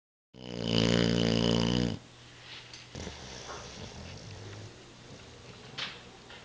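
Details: Boxer dog snoozing on a Sunday evening gives one loud, buzzing snore lasting about a second and a half, followed by quiet room noise; snoring.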